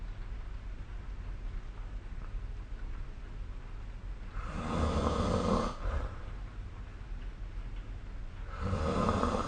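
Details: Low, rough rattling snores during inhalation over steady room noise, about two breaths in ten seconds; adult snoring during sleep.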